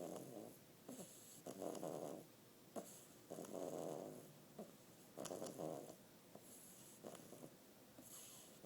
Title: Baby Snore